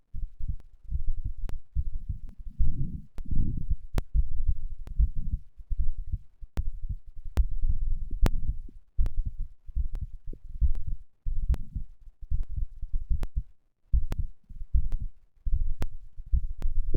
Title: 運動後の心音3 Heart sound after exercise3